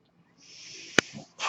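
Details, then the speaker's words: The speaker's own mechanical ventilator cycling during a spoken podcast recording: a steady airy hiss of delivered air lasts about a second, then a sharp click and the start of another hiss. "hello everyone my name is that noise you're hearing is my ventilator"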